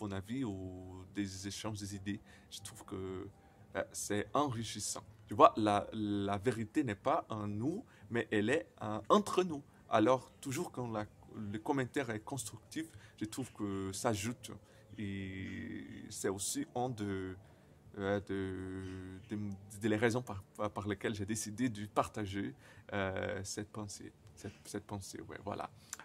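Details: 28-year-old Brazilian man who stutters, speaking non-native French; he says his stuttering very often includes silences and at other times many repetitions; stuttering.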